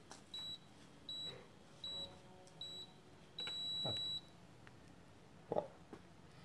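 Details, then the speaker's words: Four short high beeps, then a longer beep, faint room noise: an electronic blood pressure monitor completing a measurement, reading 90/70 (low) with pulse 76. "e se você deixar abraçadeira um pouco frouxa não tem problema que ele compensa uma quantidade de ar ele vai dar 20 Bis fazendo a medição"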